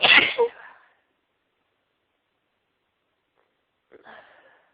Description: Sneezing Fit for you with some high pitched sneezes, one very loud sneeze too and telling you I'm gonna sneeze